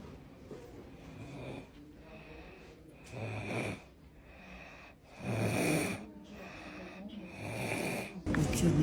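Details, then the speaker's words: Person filmed asleep: rough, rattling snores on breathing in, about every three seconds, with quiet room noise between them; snoring. "dia em que eu apanhei por ter filmado hoje eu já todinho roncando"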